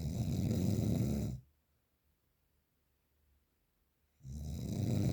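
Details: Real, unprocessed recording of very strong snoring: loud, coarse, rattling snores with silent pauses of nearly three seconds between them; heavy snoring.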